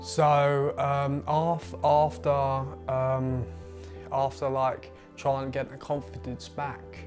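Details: 20-year-old man with a stammer since about age eight, blocking on first syllables or letters of words, especially his own name; stuttering (stammer)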